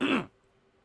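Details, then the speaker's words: Adult man with post-nasal drip, whose throat swells from about eight hours of talking a day, gives a single short, rough throat clearing. "You guys have heard my throat. It's not like I'm making it up. You've heard how messed up and gunked up it gets."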